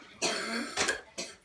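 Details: Harsh cough of about three bursts in a small room from an adult woman ill with pneumonia and asthma; cough.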